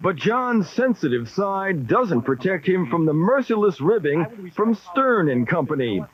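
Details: Adult narrator; no disorder.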